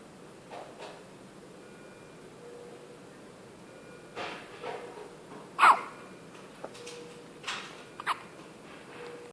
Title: Sweet baby has hiccups